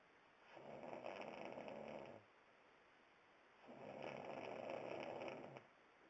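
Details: Snoring: two long, even, rattling snores about three seconds apart, with quiet pauses between them.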